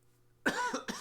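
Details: An adult who has been sick for the last couple of weeks gives two short, harsh, partly voiced coughs against a quiet room hum; a lingering cough after an illness.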